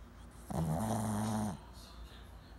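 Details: One long, low, buzzing snore lasting about a second, then quiet breathing, from a sleeping female Shih Tzu born December 2009; snoring.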